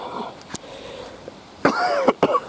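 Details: Outdoors on a windy day, a few harsh, rough coughs in close succession with throat clearing, a dry irritated cough in a person with a sore throat whose cough medicine isn't helping.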